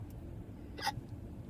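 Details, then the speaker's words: Young boy with hiccups, talking with his mother: a single brief, sharp hiccup over low room noise; ordinary hiccup. "i like your hiccups they're cute"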